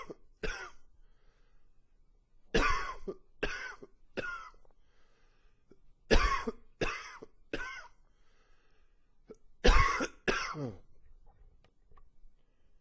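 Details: About ten harsh coughs in short clusters of two or three with quiet pauses between; repeated coughing fits, described as wheezy with some gagging, attributed to allergies flaring in cooler fall weather.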